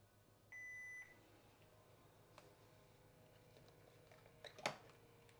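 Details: Home automated peritoneal dialysis (APD) machine being stripped after a session: pressing the green button gives a single half-second electronic beep in a quiet room, followed by faint handling clicks.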